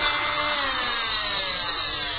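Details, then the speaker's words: Oscillating plaster cast saw demonstrated during cast application teaching: steady high-pitched whirring buzz; the blade vibrates rather than spins, cutting rigid plaster but not soft tissue, so it does not hurt the patient. "ne coupe pas en revanche elle vibre et ce qui veut dire que ça permet de couper ce qui est rigide mais pas ce qui est mou"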